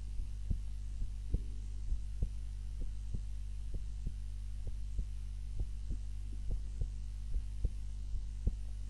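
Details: Own heartbeat recorded on a timer while napping, lying on the back (supine) rather than the usual face-down position: steady, soft thumping heartbeats over a constant low hum.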